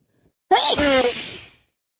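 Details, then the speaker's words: Person with a worsening common cold, congested with a runny nose, sneezing repeatedly. One sudden wet sneeze with a sharp intake and forceful burst, then a fading exhale. "Can't stop sneezing, blowing my nose, sneezing. It's so wet and messy. I'm sneezing everywhere."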